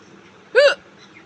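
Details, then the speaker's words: A single sharp, loud voiced hiccup with an abrupt onset and quick cutoff; a woman's real hiccups that started suddenly, with nothing tried, just after she ended a live stream. Hiccup. "Normal सा मैं अभी live बंद करके उठी ही थी कि तब तक मैं हिचकी स्टार्ट हो गई।"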